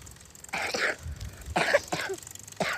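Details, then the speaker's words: A young boy gives about four short, harsh coughs in quick succession outdoors during a night bike ride. "hear that cough? That's horrible."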